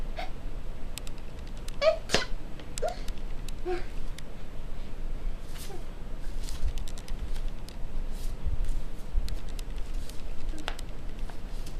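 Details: Staged sneezing in an acted skit by a performer in a fursuit: several short, sharp sneeze-like bursts over faint room noise.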